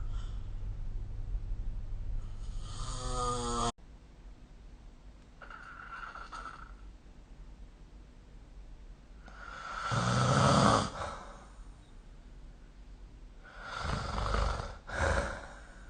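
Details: Snoring recorded during sleep with the SnoreLab phone app: irregular rough, rattling breathing noises, some louder and snorting, with quiet gaps between.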